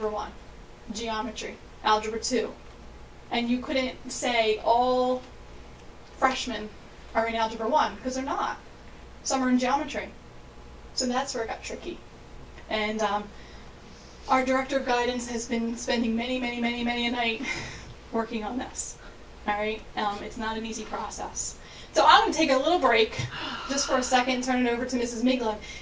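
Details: Adult woman speaking; normal speech.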